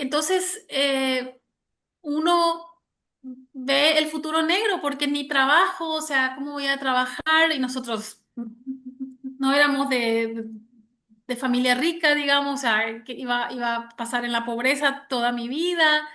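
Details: Stuttering in an adult Spanish-speaking woman since age 6, starting when her parents divorced; severe in childhood, now mild and cyclical with about 80% fluency, mainly blocks; word repetitions in this clip.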